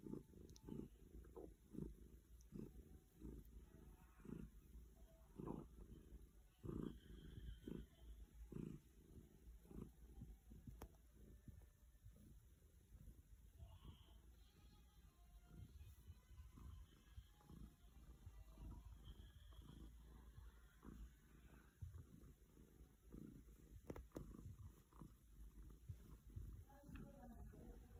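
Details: Stroked cat purring steadily, with gurgling stomach rumbles at the beginning and middle: bowel sounds (borborygmi).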